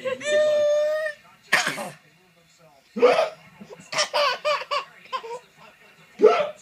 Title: Hiccups are funny